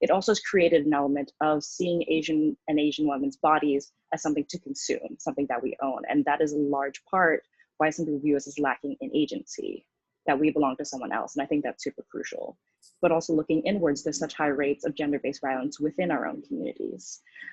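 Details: Adult woman speaking; typical speech.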